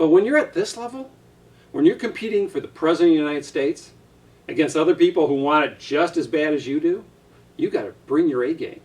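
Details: Adult male speaker; Normal speech.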